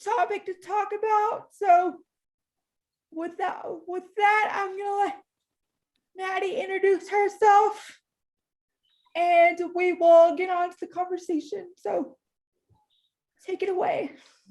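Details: Woman in her 30s with cerebral palsy who uses a power wheelchair and reports difficulty getting her words out and being hard to understand; dysarthria (cerebral palsy).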